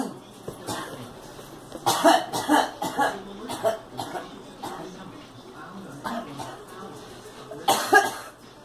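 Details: Girl coughing: repeated short coughs in several clustered bursts with some throat clearing, in a small room.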